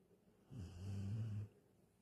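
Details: Sleeping galgo (sighthound) Carlotta: a single low, rumbling snore of about one second on an in-breath; ordinary snoring.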